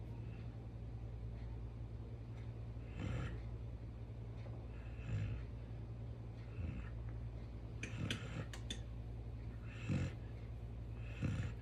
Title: Snoring Dog Chopper D ChowChow